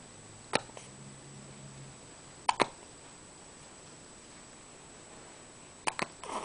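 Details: Hiccups while awake with eyes open: sharp, brief hiccup sounds at irregular intervals, about four in six seconds, in a quiet room.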